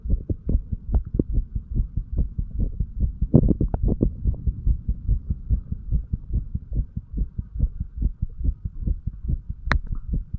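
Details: Heart sounds of a 35-year-old male recorded on himself while sick and detoxing, first over the tricuspid area for 3 minutes, then over the mitral area.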